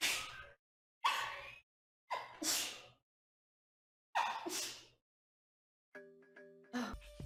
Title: The Best Sneeze Compilation Ever